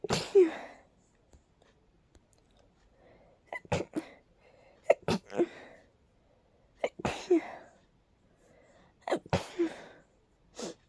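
Several sharp sneezes in quick succession, about five over ten seconds, with short breaths between; a sneezing fit from allergies.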